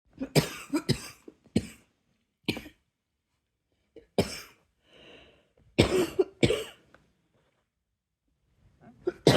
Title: # 151 another night cough ... any1? 😘